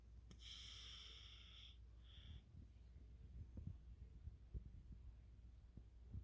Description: 3 years old - snoring